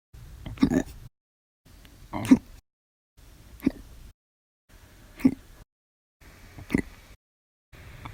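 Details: Repeated abrupt throaty gulping hiccups after lunch, about five in eight seconds, each a short sharp burst separated by silence, varying violent, loud, silent and minute: hiccups.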